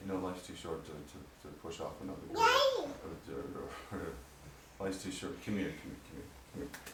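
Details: Man with Parkinson's disease diagnosed at 45, on medication he hopes will help his voice, which he says has recently changed; hypokinetic dysarthria (Parkinsonian speech).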